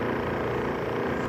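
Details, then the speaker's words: Sequal Eclipse 5 portable oxygen concentrator on continuous flow, shown by the green indicator for proper operation: a steady low mechanical hum, normal running. "as you can see now we're running at one liter per minute 1.0 lpm"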